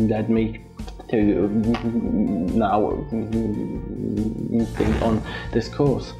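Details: 16-year-old from London, stammering for about 10 years since onset at age 8, attending a stammering therapy centre; stammering.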